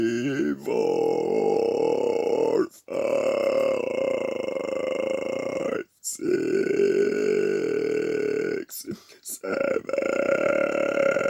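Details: Deliberate long, drawn-out voiced burps, several seconds each with brief breaths between, counting to 10 in English by burping, then almost vomiting.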